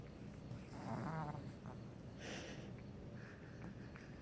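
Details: 10-week-old puppy snoring while asleep, also sucking on his tongue.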